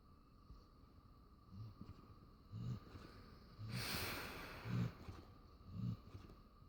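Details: Low rumbling snores about once a second with one louder hissing breath; snorer known to snore a lot and sometimes blow foam bubbles while dreaming; snoring.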